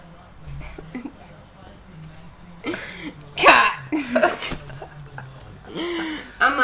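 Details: Very drunk girl with hiccups: sudden, abrupt catch-like sounds break into her voice amid background noise and talk.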